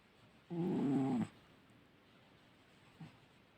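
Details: One loud, rough, tonal snore lasting under a second, followed by a faint second breath sound, from a sleeping cat snoring loudly.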